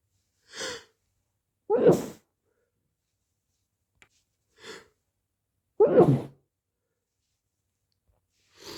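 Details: Two muffled, wet sneezes, each preceded by a quick in-breath, with a third build-up at the end; quiet room.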